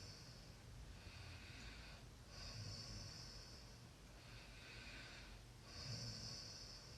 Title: Snoring sounds